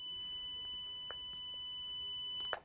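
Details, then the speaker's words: AED Plus defibrillator prompts 'shock advised, do not touch the patient, press flashing shock button, everyone clear', then a steady high alert tone breaking off with a click as the shock is delivered. "strømstøt anbefalt Ikke rør Pasienten Trykk på blinkende sjokk knapp alle vekk"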